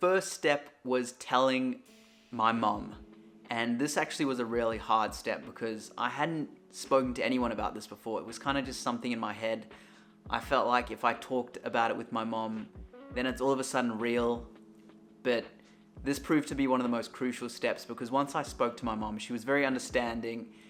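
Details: Adult male speaker; normal adult male voice.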